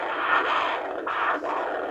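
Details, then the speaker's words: Handheld Doppler over an arterial pulse in the foot during a diabetic foot check: loud, strong whooshing flow with brief dips between pulses. Pressure over 180 is said to indicate hardening of the arteries. "this is a Doppler it's the same thing we use to check fetal heart rate yeah you can hear a baby beating in your foot"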